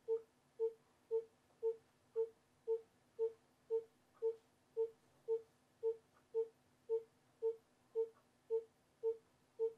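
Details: Educational fetal monitoring rhythm 3: steady electronic monitor beeps tracking the fetal heart rhythm at about 113 beats per minute.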